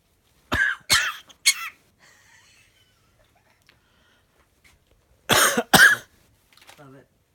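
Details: Parrot imitating sneezes and coughs to call its owner: three sharp sneeze-like bursts, two cough-like bursts and a soft squawk; mimicry, not illness.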